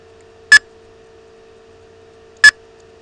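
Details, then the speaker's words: Sharp beeps about two seconds apart over a low steady hum, one per simulated heartbeat, roughly 30 a minute, from a digital neonatal resuscitation (NRP) training instrument panel on a tablet; heart rate monitor beep. "hear a beep on with every heart ring"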